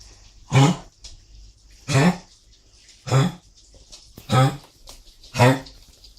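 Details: Five forceful, harsh coughs from an animal, roughly one every second, in a quiet small room.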